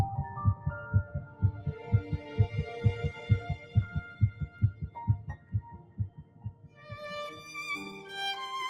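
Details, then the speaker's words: Rapid, regular whooshing fetal heartbeat at about 130 a minute with soft string music over it. "At 3 weeks and 1 day, just 22 days after fertilization, heartbeat can be detected."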